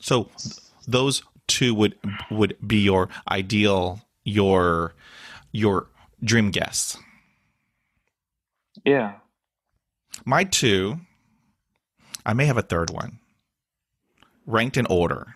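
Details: Adult man with stuttering he calls a daily struggle, with blocks and facial tics despite years of speech therapy; word repetitions and interjections heard; stuttering.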